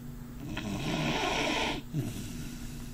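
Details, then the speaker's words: Dog with a very loud snore, even when awake: one long, rough, rattling snore from the sleeping dog, followed by a short snort. "You're snoring, buddy."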